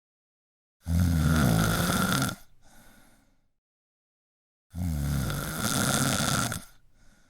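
Two loud, rough, rattling snores, each followed by a softer breathy tail, about four seconds apart. This is heavy snoring.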